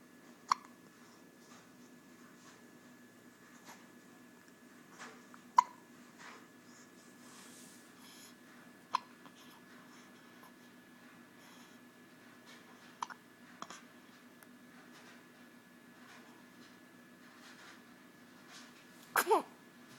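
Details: 3-week-old infant: brief, sharp hiccups recurring every few seconds, ending with a louder sneeze-like burst.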